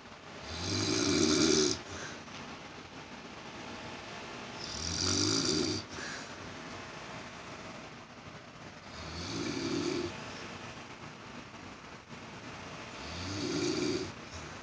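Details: Elderly grandmother snoring during sleep, poor-quality recording: regular harsh snores on each inspiration, about 15 a minute, over a steady hum of background noise, possibly an air conditioner.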